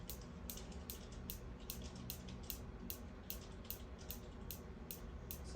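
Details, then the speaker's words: Sharp, evenly spaced clicks about two and a half per second over low room noise: a focused shockwave device pulsing over the calf during a diagnostic session for plantar fasciitis heel pain, locating a tender spot with stinging discomfort. "st in the calf and then all we'll hear is that little click and all I'm going to do is just move around a little bit and so it sounds like we may have found a spot"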